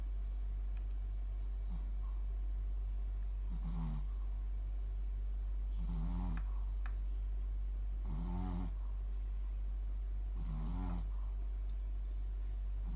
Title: Mylly snores shih tzu シーズー